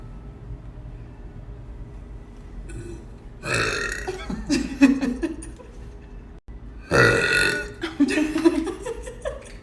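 Two long, loud, rumbling belches against a background hum; burping.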